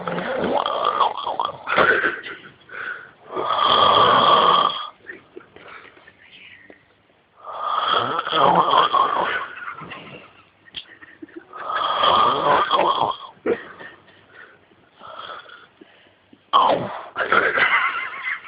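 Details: Man asleep, heavy snoring: loud, harsh, irregular snores with rough fluttering on inhalation, several over about eighteen seconds.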